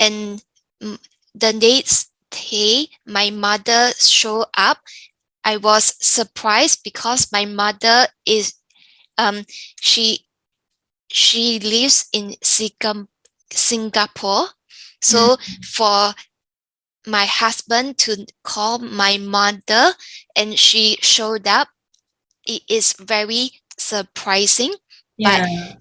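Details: Younger adult woman with aphasia after a stroke; pauses, repetitions and monotonous tone; aphasia.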